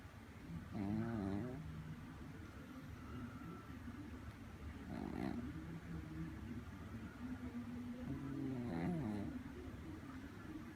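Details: Snoring at 3am: low, rumbling snores on each breath in, about three over ten seconds, over steady room hum; ordinary snoring.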